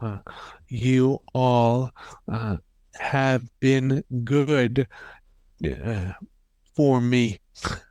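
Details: Stroke survivor five years after the stroke who finds speaking very difficult; non-fluent aphasia.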